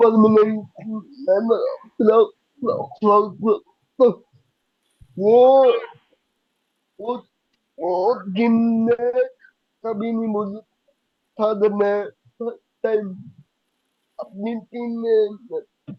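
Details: Young adult man with cerebral palsy diagnosed at age 2, who could not speak as a child and reports that speaking still takes double effort and is unclear; dysarthria due to cerebral palsy.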